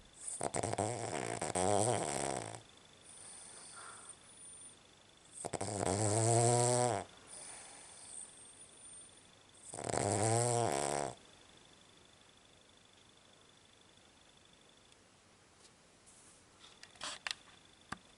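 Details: Snoring in a sleeping Cavalier dog at night, owner calls it horrendous: three long, rattling, buzzing snores about four seconds apart, roughly 14 a minute, with quiet pauses between.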